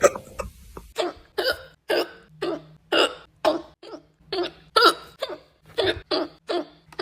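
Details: Repeated short voiced hiccups, about 13 in seven seconds at a fairly regular pace, each a brief sharp catch in the throat, after which they stop; hiccups.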